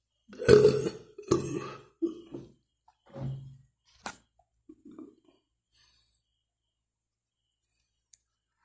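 A series of deep, rumbling belches that fade into softer ones in a quiet room; burping.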